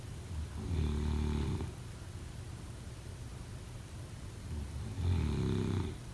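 Two loud, low rattling snores about four seconds apart, with quiet breathing noise between them. Ordinary snoring during sleep.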